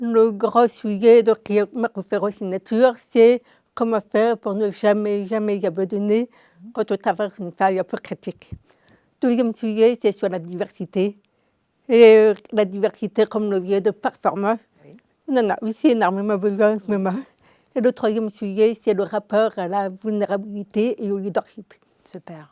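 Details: Adult woman deaf from birth, diagnosed at 9 months, told she would never speak, who learned speech through 20 years of speech therapy three sessions weekly; deaf speech (congenital hearing loss).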